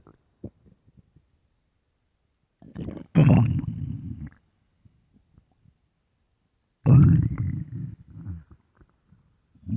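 Two loud, low gurgling rumbles with quieter bubbling between them, ordinary stomach growling that can come with hunger.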